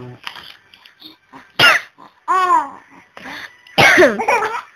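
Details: Mother's several short, sharp coughs with her 4-month-old baby girl laughing out loud in between.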